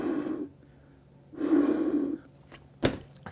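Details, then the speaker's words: Infant CPR practice on a manikin, taught by a paramedic: head tilt, chin lift, two rescue breaths between cycles of 30 compressions at 100 per minute; two soft breathy puffs about a second apart, then a brief click. "Head tilt chin lift, plug the nose, two breaths."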